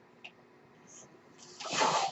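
Quiet room with a soft click, then a rising rush of air hiss over about a second: a mechanical ventilator delivering a breath.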